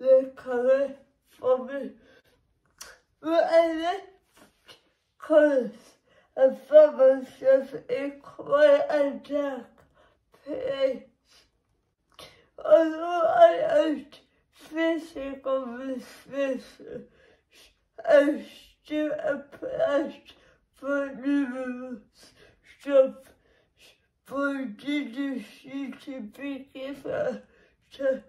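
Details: Dysarthric speech in a woman with cerebral palsy, which makes her muscles and movements difficult; the speech disorder itself is not named.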